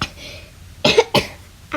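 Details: Two short, sharp coughs close together, a third starting; child vlogger with cough since yesterday, dry sore throat, feeling a little sick, during morning routine: cough.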